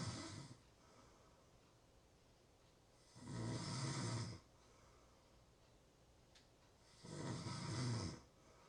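Two long, rough rattling snores on inhaling, about four seconds apart with quiet pauses between; ordinary adult snoring.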